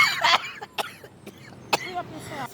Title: She took off the WIG and I almost Died Coughing lol July 23, 2021